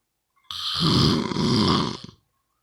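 A single loud, rough, rattling snore lasting under two seconds.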